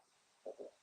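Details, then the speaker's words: Adult's stomach growling loudly from hunger, picked up by camera: two brief low gurgling rumbles in quick succession in a quiet room; stomach rumbling (borborygmi). "oh sorry if you can hear a rumbling that's actually my stomach I'm actually really hungry and it's just growling is so loud so sorry if the camera picked that up it's really loud"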